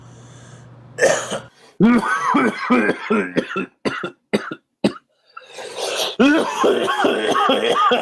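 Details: Adult man, who mentions being out of cigarettes, coughing and clearing his throat in a series of bursts with short gaps between them.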